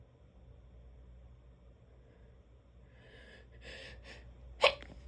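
Quiet room hum, a brief breathy build-up, then one sharp explosive burst: a single sneeze.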